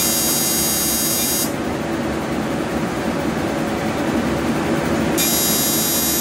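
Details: 28-year-old male, first Deep FX fractional laser skin treatment: steady machine hiss and hum with a high electronic tone that cuts out and returns while the laser runs.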